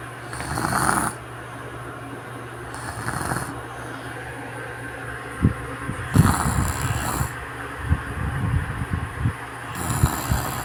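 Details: Infant snoring in sleep: soft, low rattling breath sounds recurring in cycles, with faint hissy noise.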